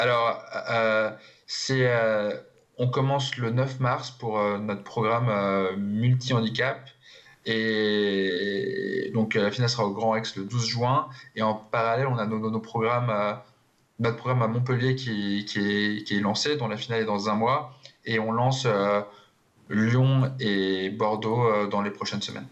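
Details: Stuttering in an adult who stutters, speaking French in a TV interview.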